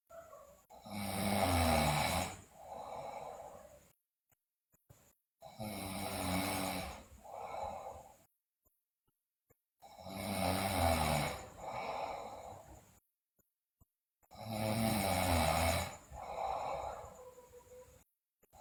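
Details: Sleeping girl snoring loudly, with bruxism and delirium reported: loud, harsh, rhythmic snoring, rough inhaled snore and shorter exhaled sound, about 13 breaths a minute, separated by silent pauses.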